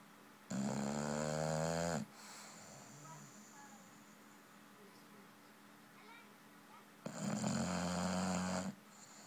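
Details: Snoring of a bulldog from a cartoon soundtrack: two long, loud, rattling snores with a quiet pause between them.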